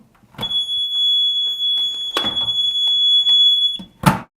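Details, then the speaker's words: AED cabinet alarm: a loud, steady high-pitched alarm tone over handling noise and thuds, ending with a bang, sounding as the automated external defibrillator cabinet door is pulled open. "To first start grabbing an AED, you just pull open the door. Oftent times there will be a loud alarm associated with"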